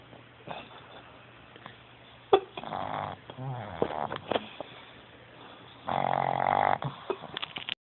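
Irregular snorting, rattling snores, one loud and buzzing, over quiet room noise.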